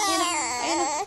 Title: crying baby vid.